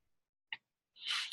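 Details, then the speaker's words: Adult with a cough attributed to pollen: a faint click, then a sudden harsh, noisy burst at the end, a single adult cough that is cut off. "can you take it I've got a cough I hear it it's always pollen everywhere"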